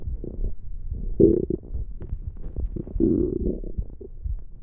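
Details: Gurgling, bubbling rumbles with two louder growls from gas and fluid moving through the gut: ordinary stomach growling (borborygmi) recorded for ASMR.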